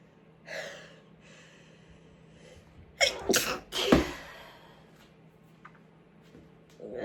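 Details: Calm sneezing from chhinkni. Soft intake breaths followed by a few quick, partly held-back sneezes in a quiet room; ordinary stifled sneezing.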